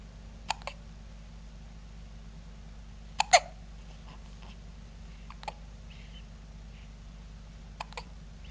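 Short, sharp hiccup clicks recur every couple of seconds against a quiet room hum, about five hiccups in under ten seconds.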